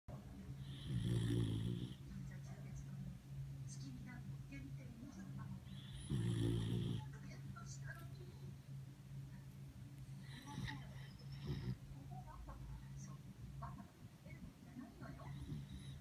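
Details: Sleeping schnauzer dog snoring: loud rumbling snores on inhalation, about twelve breaths a minute, with a steady low hum in the background; snoring.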